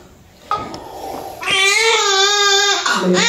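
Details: Brief staff voices, then a strong clear high-pitched cry over a second from a newborn girl at normal vaginal delivery with the cord coiled around her; vigorous first cry.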